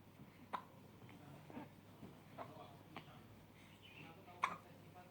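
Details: Hiccups from a baby.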